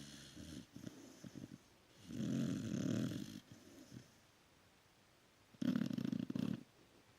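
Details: Loud snoring from a sleeping dog: rough, low snoring noises on the in-breath in bursts between quiet pauses.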